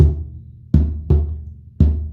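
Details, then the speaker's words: Simulated on a snare drum for teaching: paired low beats imitating a normal lub-dub rhythm, normal first and second heart sounds, about 56 cycles a minute. "Vamos a mostrar primer y segundo ruido, después le agregamos el tercero y finalmente le vamos a agregar el cuarto. Primer y segundo."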